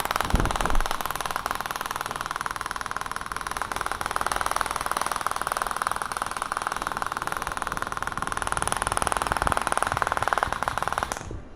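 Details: Radial shock wave therapy device (30 mm radial head, 2000 shots, 20 Hz) firing during Achilles tendon treatment over gel, avoiding bone: rapid, steady mechanical clatter of pulses at about twenty per second.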